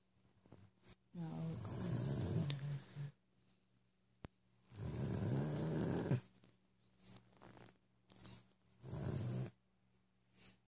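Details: Airedale sleeping on a couch: loud, rumbling snores, about three long snores with quieter snuffles between, roughly 18 breaths a minute; ordinary dog snoring.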